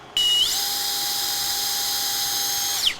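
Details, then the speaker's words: Powered surgical drill boring a 6 mm fibular tunnel (anterolateral to posteromedial) for LCL graft fixation with a 5 mm TenoLok screw in knee posterolateral corner reconstruction: steady high-pitched whine that rises, holds over two seconds, then falls. "we're going to fixate the lcl at that point with a tina lock screw the tina lock is five millimeters and we're drilling a six millimeter tunnel"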